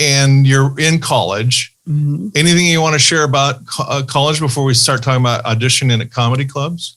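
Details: Adult male speaker; typical speech.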